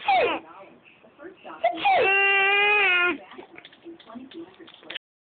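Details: Baby laughing at father's fake sneezes: a sustained, high, tonal squeal and short vocal bursts of infant laughter; infant vocalization.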